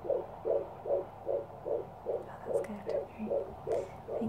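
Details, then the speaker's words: Fetal heartbeat at 18 weeks of pregnancy (fourth baby) heard on Doppler at a midwife appointment: fast, regular whooshing pulses, about 150 beats a minute. "you so that's a lovely heartbeat that's good that sound just never gets old does it"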